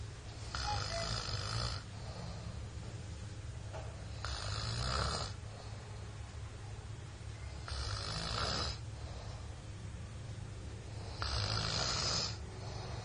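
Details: Loud, rough snoring from a sleeping child from Purwokerto, about four snores in 13 seconds (roughly 17 a minute), each a long noisy inward rattle.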